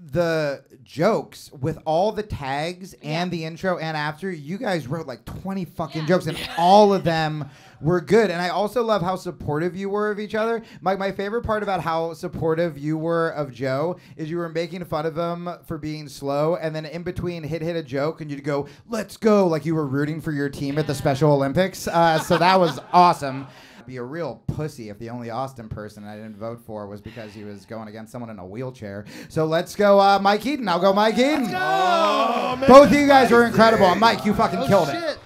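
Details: Adult male speaker; normal speech.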